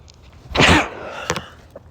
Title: cold sneezes (m)